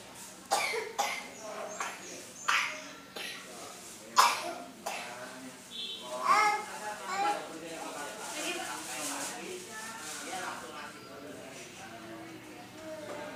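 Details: A child coughs about six times in a row with sharp bursts, followed by softer voice sounds and room noise.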